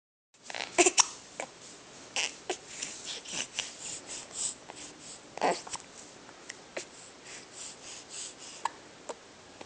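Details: Male trying to cry, his soft crying broken at irregular intervals by short, sharp catches: hiccups interrupting a cry.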